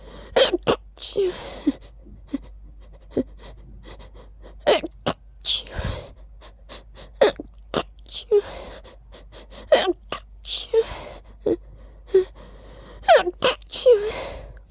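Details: Deliberately voiced sneezes, ending them with an added "choo": a run of loud, explosive sneezes with sharp intakes of breath between them; repeated sneezing.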